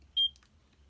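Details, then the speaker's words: Check Me Pro portable ECG device with electrode pads recording 30-second ECG and pulse rate, result regular ECG rhythm; ECG monitor pulse beeps. "so you can see it's checking for your ecg and it's also uh"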